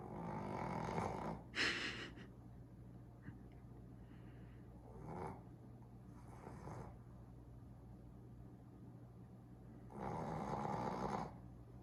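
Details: Sleeping Boston Terrier puppy snoring loudly, like a chainsaw: loud rough snores, about five breaths in twelve seconds, with a steady low hum in the room.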